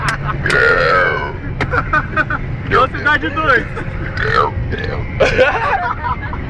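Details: Deliberate burping: a long, loud, voiced burp amid talking voices and vehicle noise.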